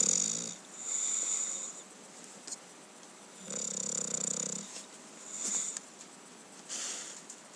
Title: Cookie the English Bulldog Enjoying a Nice Sleep (and Snore)